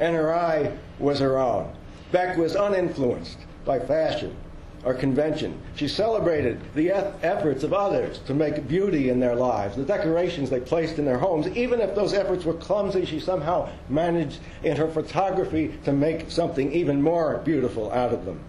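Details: Adult male speaker; normal speech.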